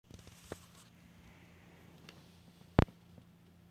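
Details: Hiccups in a cat named Mimzy: a faint soft catch, then one sharp, abrupt burst of sound in a quiet room.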